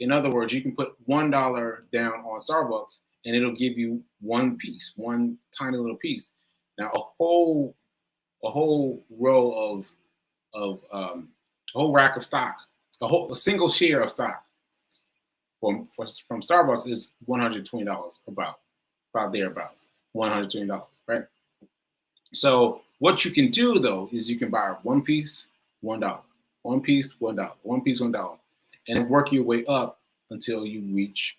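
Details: Male stroke survivor with aphasia, with difficulty finding and producing the right words; repetitions and word-finding pauses; aphasia after stroke.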